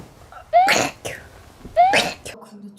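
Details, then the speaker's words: Two quick sneezes in a row from a young adult female K-pop singer (fromis_9), each a rising voiced intake then a sharp burst. "방금 재채기한 거 찍혔거든요"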